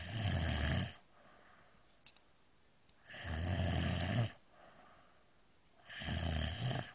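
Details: Snoring during peaceful sleep: deep rattling snores on each breath, about every three seconds, roughly twenty breaths a minute.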